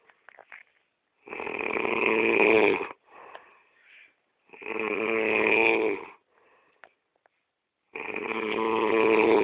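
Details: Sleeping person snoring loudly: rough snores on each in-breath, about 18 breaths a minute, with quieter out-breaths between them; ordinary snoring.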